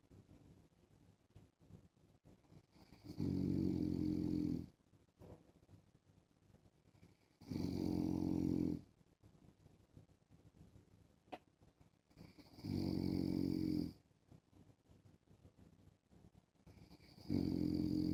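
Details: Adult man snoring in sleep while wearing a mask: loud, rough snores roughly every 5 seconds, about 12 breaths a minute, with quiet gaps between them in a small room.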